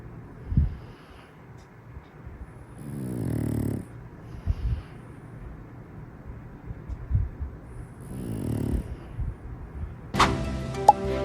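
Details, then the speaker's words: Sleeping pug snoring: two slow, buzzing snores with snorty breath sounds between them, then a sharp knock at the end. "Did the pugs snore louder or quieter than you thought they would?"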